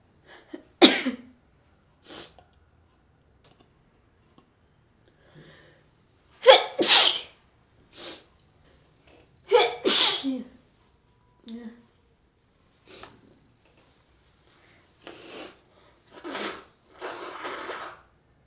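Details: An adult woman sneezes about three times, each burst preceded by a quick catching inhalation.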